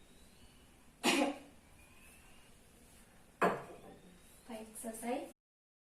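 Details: Nursing-student demonstration of deep breathing and effective cough: after deep breaths in and out through the mouth, two strong, sharp cough bursts on the count of three, then a brief voiced throat clear; effective cough.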